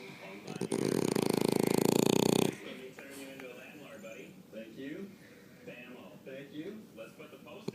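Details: French bulldog asleep: one loud, buzzing, rattling snore lasting about two seconds, then quieter room sounds and faint television talk; snoring.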